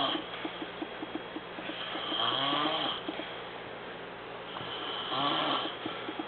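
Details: Exhausted adult male preacher asleep: slow, rattling breathing noises rising and falling with each breath over faint room noise; snoring during sleep.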